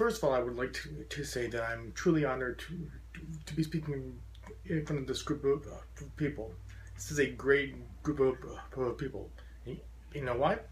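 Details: Adult man with a very severe stutter since childhood, once taking up to five minutes to say his name, who says he still stutters profoundly; stuttering.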